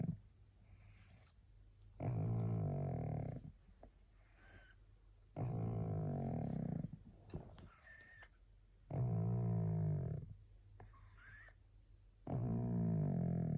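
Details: Tired pug, a flat-faced dog so sleepy she can hardly hold her head up, with loud rattling snores on each in-breath, about four breaths in 14 seconds; snoring.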